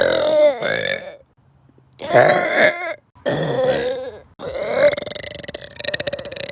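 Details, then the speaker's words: Person burping on a trampoline: three or four long, loud, drawn-out belches separated by brief pauses; person reports a bad stomachache. "I'm sorry I couldn't do on Wednesday, but I'll do it today, Thursday. The burps are back, baby."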